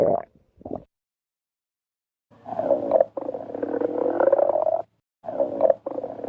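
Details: Stomach growling (borborygmi) after overeating: loud, drawn-out groaning rumbles with short gurgles between silences.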